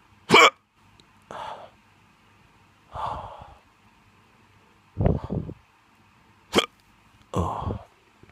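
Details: Drunk adult with six abrupt, spaced hiccups over about eight seconds, each a short sharp catch of the voice, in a quiet room.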